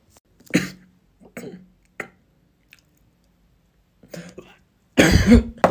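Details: Several short, dry cough bursts and throat clearings in a quiet small room, ending in one louder, harsher cough; coughing in a classroom.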